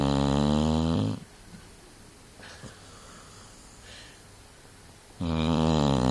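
Two loud, deep, rattling snores separated by a quiet pause with faint breath sounds; heavy snoring.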